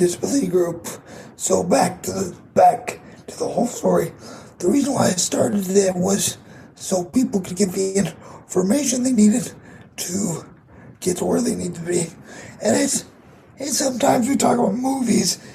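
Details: 22-year-old man with cerebral palsy affecting his muscles, muscle tightness making talking harder, effect audible in his voice; dysarthria (cerebral palsy).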